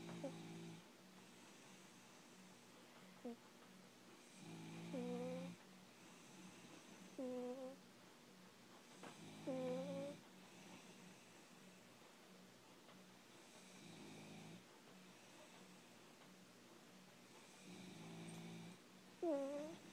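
Soft, buzzing snores every two to three seconds, with small squeaky whistles on some breaths, from a sleeping cat. Gentle snoring.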